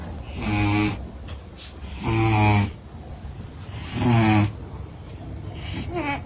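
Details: Sleeping cat snoring: loud, deep vibrating snore about every two seconds, softer breathing between, steady hum and music behind.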